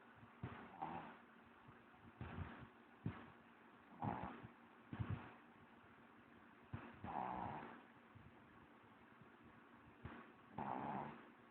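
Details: Repeated rough, rattling inhalation noises at roughly 11 per minute during sleep; snoring.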